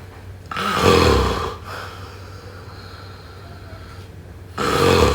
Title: #snoring #snoringasmr #snoringsleepingsoundeffect #sleepsounds #snoringsounds